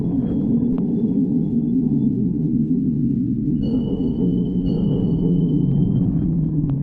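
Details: Stomach growling: low, continuous rumbling with gurgling and faint high squeaks; ordinary borborygmi.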